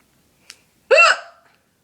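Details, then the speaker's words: Single hiccup from a person who has the hiccups again, after a two-minute bout earlier the same day: a faint sharp catch, then one abrupt voiced 'hic'. "hey guys it's 16k here and of course i have the hiccups again oh my goodness i had them earlier today but they only lasted for like what two minutes"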